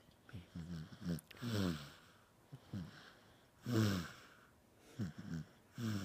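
Irregular short low snorting snores, roughly 28 a minute, with quiet pauses between bursts.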